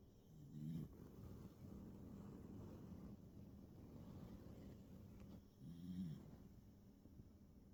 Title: Bandit Snoring